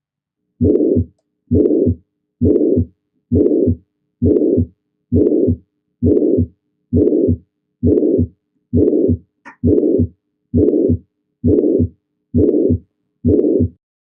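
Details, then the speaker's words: Teaching recording of a mitral regurgitation murmur: regular heartbeat near 67 per minute with a steady blowing holosystolic murmur from immediately after S1 to S2, no S3. "you can hear how it lasts from immediately after s1 right until s2 but there was no s3 in that example"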